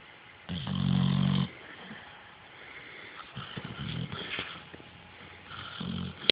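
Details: Pit bull dog recorded shortly after adoption from a shelter: loud rattling snores on the in-breath with quieter breaths between; ordinary snoring.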